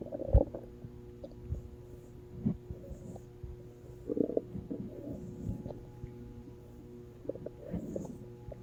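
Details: Low gurgling rumbles and squelches come and go over several seconds, from gas and fluid moving through the gut: stomach growling (borborygmi).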